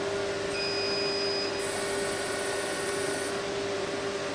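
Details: Fractional CO2 laser (skin resurfacing device) test-firing onto a sheet of paper, only partly penetrating: steady machine hum with a high-pitched whine lasting under two seconds.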